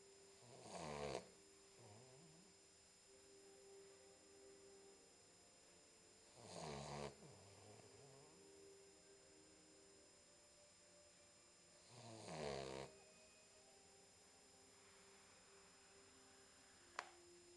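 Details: 10-week-old Boxer puppy asleep: soft snorting snores every five to six seconds, about 10 breaths a minute, quiet breathing between, faint steady hum; low-volume recording; snoring.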